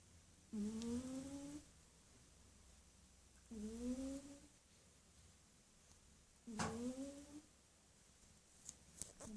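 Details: Snoring in a cat curled up in a ball in deep sleep: three soft, tonal, rising snore sounds on breaths about every three seconds, roughly 20 a minute, in a quiet room.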